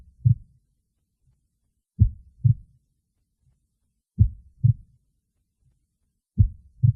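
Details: Heartbeat recording labelled as a female celebrity's: deep paired lub-dub thumps repeat steadily at a very slow pace, about 27 per minute, with silence between.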